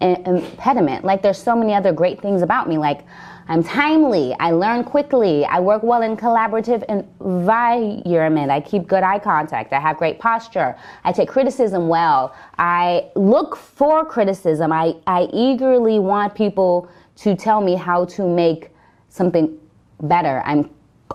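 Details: Adult woman speaking; stuttering.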